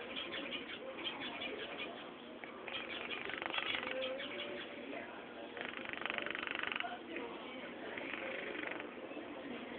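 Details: Sleeping Scottish Fold kitten snoring: soft, high, cooing rasps that swell and fade about every two to three seconds with each breath.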